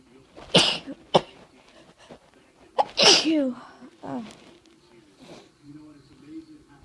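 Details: Sneezing with a head cold that has turned into a chest cold, where sneezing triggers coughing: a series of sharp, explosive sneezes with quick inhalations between, then a sniffle and soft voice sounds.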